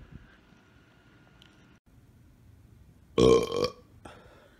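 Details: Burping: a single loud, voiced belch lasting about half a second over quiet room noise, one of a series of burps.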